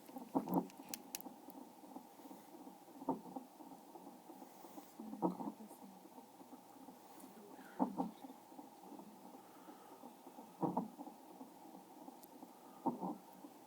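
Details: A baby with hiccups: repeated short, sharp catches every two to three seconds; the louder, slower sound is the hiccups, with her heartbeat also audible underneath.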